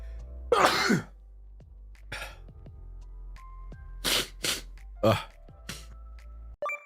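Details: Compilation of livestreamers sneezing: several sharp, noisy sneeze bursts and snorts from different voices, with laughter, apologies and faint background music; sneezing.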